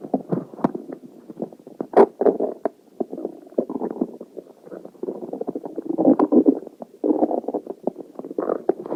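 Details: Continuous low gurgling and bubbling rumbles with sharper pops from a person's stomach; ordinary stomach growling (borborygmi) from gas and fluid moving.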